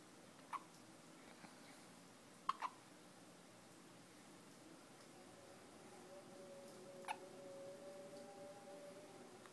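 Four brief, sharp little hiccup clicks at irregular intervals in a quiet room, with a faint tonal whine near the end; hiccups.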